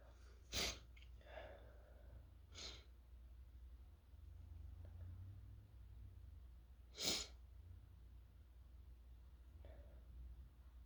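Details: Several sharp sneezes, some muffled and stifled, with low room hum, triggered by fumes from toasting chili peppers with a sore, irritated throat; irritant-induced, partly stifled sneezing.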